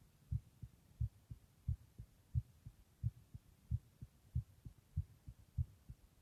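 Steady paired low thumps, lub then dub, at about 90 beats a minute with no extra noises between them: an ordinary normal heartbeat.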